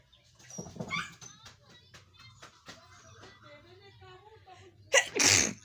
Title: Nose Nose sneezing//challenge video 😁